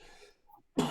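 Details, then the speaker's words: Adult speaker's own single loud cough bursting out after a quiet moment during a live online talk show, cut off at the end; chesty cough. "right okay just uh sorry about my chesty cough guys I hope it's not bringing down your ears going oh my God that sounds wrong but he's coming to the end of it"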